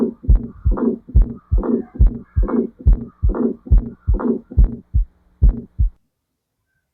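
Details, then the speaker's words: Innocent (benign) ejection systolic murmur: a regular heartbeat with a soft whooshing flow sound in systole, described as a triple heart sound with murmur. "Okay, that is innocent murmur. Okay, benign murmur."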